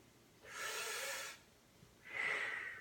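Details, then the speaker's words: Healthy adult at a yearly checkup, respiratory exam by a nurse practitioner student: two deep, airy normal breath sounds on request, without wheeze or crackle. "take a deep breath for me in and out and hold it when you breathe out good"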